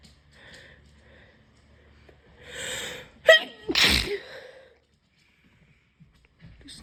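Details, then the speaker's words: Sick, congested person who cannot breathe through the nose tries to clear the sinuses: a sharp intake of breath, then one forceful explosive sneeze, with faint room noise; sneezing. "So, I'm really congested and I can't breathe out of my nose. So, I'm going to try and do some to try and clear my sinuses a little bit cuz I'm sick like a dog."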